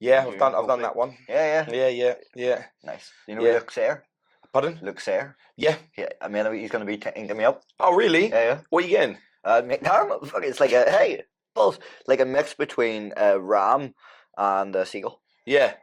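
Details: Man with Tourette syndrome diagnosed at 16, classified as chronic motor and vocal tic disorder; vocal tics include shouting "hey" and swearing, and tics flare during everyday tasks. Tourette syndrome vocal tics.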